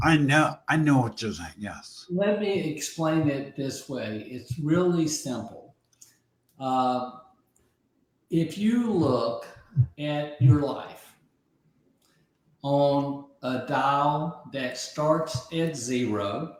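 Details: Aphasia following a stroke about 15 months earlier in an adult man; early on others could not understand him at all, and his vocabulary has since grown by over 20,000 words; aphasia.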